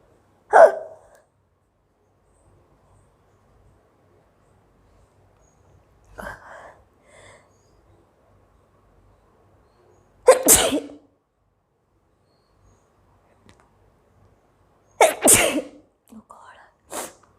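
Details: Woman sneezing after taking black pepper powder during a hiccups and sneezing challenge, also having hiccups: four sharp, explosive bursts several seconds apart, the later two louder and sneeze-like, with brief trailing breaths.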